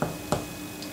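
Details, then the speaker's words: Chest examination tutorial demonstrating percussion technique, striking the middle finger with wrist movement: two brief, sharp finger taps about a third of a second apart in a quiet room. "for percussion you aim for the middle fings of your middle finger and you strike it like so"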